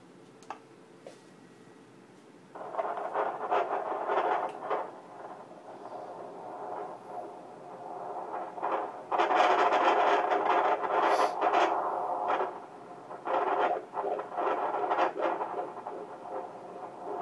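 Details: Fetal heartbeat recorded by Doppler during a pregnancy ultrasound appointment: whooshing, scraping pulsing sounds.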